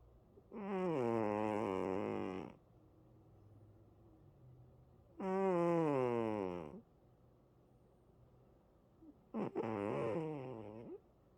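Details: Three long, drawn-out tonal snores with falling pitch, about 14 a minute, separated by quiet pauses; snoring.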